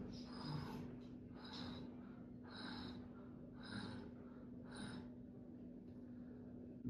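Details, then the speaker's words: Wheeze from tracheomalacia involving the lower windpipe in a young child: rapid, noisy breaths with a rough, wheezy quality. "sometimes if trachumulation involves the lower part they can have a Wheezy sound like this"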